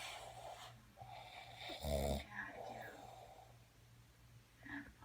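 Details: Snoring from a sleeping man who claims he doesn't snore: a brief, coarse snorting snore between quieter rough breaths, with a steady low room hum.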